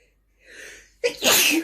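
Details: Person sneezing while reading sneeze fiction aloud: a soft indrawn breath, then a single sharp, explosive sneeze; sneeze.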